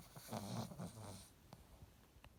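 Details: Snoozing and snoring: a brief low rumbling snore followed by quieter snuffling breaths.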